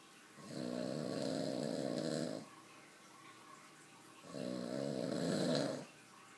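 Two long, steady, buzzing snores on the in-breath with quiet pauses between, from a sleeping adult.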